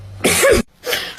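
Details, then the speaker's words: A child acting in a comedy skit imitates coughing: two harsh, noisy cough bursts with a brief pause between, joking about not eating snow. An imitated, simulated cough. "вот так вот не кашлять надо меньше снега жрать"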